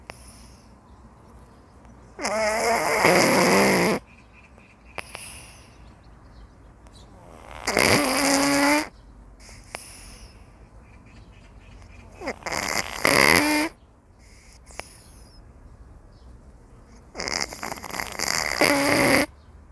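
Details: A cat napping leisurely gives loud rattling snores, about one every five seconds, separated by quiet exhalations; ordinary cat snoring.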